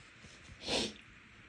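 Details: A single short, muffled burst of air through the nose: a stifled sneeze from a nose irritated by dust and cleaning products after house cleaning. The person says they are allergic to neither.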